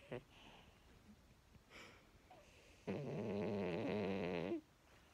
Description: Little dog snores louder than a grown man!